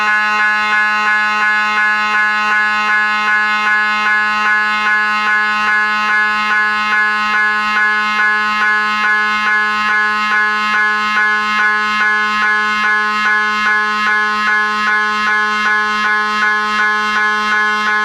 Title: mri sounds